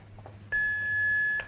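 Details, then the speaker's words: A single steady electronic tone of about one second, the AED alert beep before rhythm analysis, during a CPR and defibrillator demonstration with chest compressions counted to thirty. "one should touch the patient analyzing no one should touch the patient shock advised cleared a clear of patient press the flashing orange button shot delivered"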